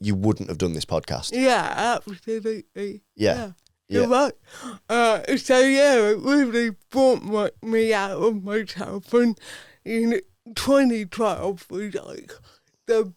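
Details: Adult woman, Paralympic dressage rider, with athetoid cerebral palsy from birth that affects her speech; real, not acted; dysarthria due to athetoid cerebral palsy.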